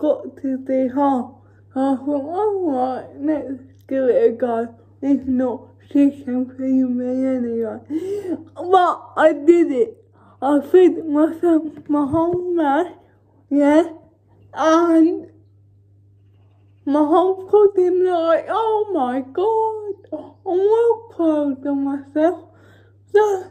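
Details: Female with cerebral palsy talking while feeding herself with a Neater Eater feeding aid; the dysarthria is inferred, not named: dysarthria (cerebral palsy).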